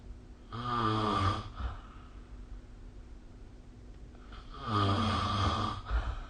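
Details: Snoring during sleep, recorded with the SnoreLab app: two loud, low, rattling snores about four seconds apart on breathing in, with quiet exhalation between.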